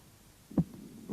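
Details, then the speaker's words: Normal heart sounds auscultated at the cardiac apex: a dull, low first (systolic) sound, louder than the fainter second sound, as expected at the apex. The first sound comes from atrioventricular valve closure, ventricular muscle tension and aortic/pulmonary wall vibration. "первый систолический тон состоит из нескольких компонентов клапанного мышечного и сосудистого он образуется в результате захлопывания атриовентрикулярный клапанов напряжения мышц и желудочков и вибрации стенок аорты и лёгочной артерии в начале систола желудочков"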